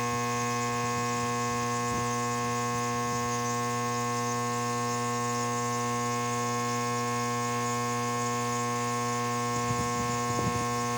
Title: No symptoms of COVID, applying nebulizer for my slight colds and cough cause by allergy.